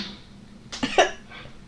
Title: Top 5 Sneeze VS